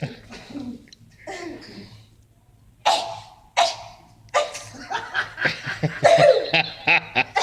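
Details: Girl sneezing, possibly triggered by pepper: two sharp, explosive sneezes amid laughter and giggling; ordinary sneezing.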